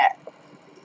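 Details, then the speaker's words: An esophageal gurgle about two months after gastric sleeve surgery, occurring when drinking with food still in the system: one brief, throaty, croaking burp-like gurgle, then near silence. "at drink the same time but if you sell any food anywhere near you in your system and then you drink um you'll hear this noise that's a really gross noise and it's embarrassing too"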